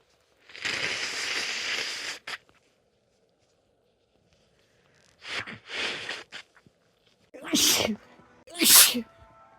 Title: Caught a cold - sneezes and blows